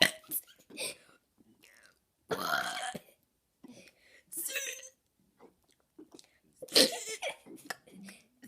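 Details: Girl deliberately burping the alphabet and numbers: repeated loud, rough voluntary burps shaped into spoken letters and numbers. Burping.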